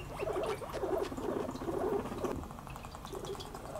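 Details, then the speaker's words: Guinea pig teeth chattering in anger when introduced to another guinea pig: rapid, dry clicking bursts, a sign of aggression. "なんか歯ぎしりの音が聞こえるなぁ蘭亭ちゃんがなんてちゃんの激しいしているのかなこれはラティちゃんが歯ぎしりしている珍しいちっちゃ歯ぎしりできるなんだった"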